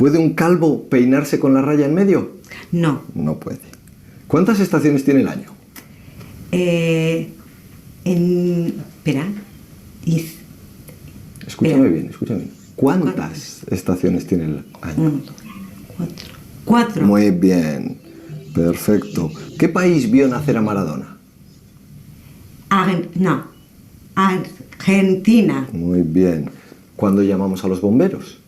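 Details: Adult male with ischaemic infarct caused by an operation; fluent speech with meaningless and invented words, preserved intonation, impaired comprehension: Wernicke's aphasia.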